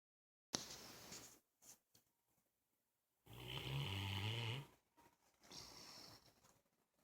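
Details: A bloodhound asleep on a couch in the morning gives a low, fluttering snore with whistling nasal breaths and a few snorts between, in a quiet room; snoring.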